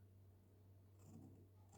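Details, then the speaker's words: Female pet asleep on the floor snoring "like a piglet", in the owner's words: a low, rumbling snore with a soft snorting rise in the middle. "Elle ronfle comme un cochonneau."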